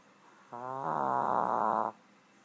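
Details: Snoring Shih Tzu: one low, rough, fluttering rattling breath lasting about a second and a half, a snore.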